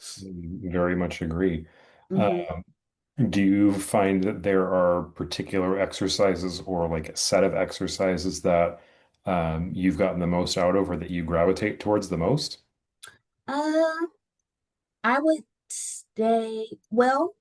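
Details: Adult man and adult woman in conversation; normal speech.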